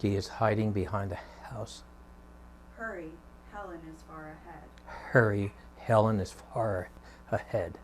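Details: Patient with abductor laryngeal dystonia reading test sentences before taking sodium oxybate, with difficulty on voiceless consonants such as 'h'; abductor laryngeal dystonia.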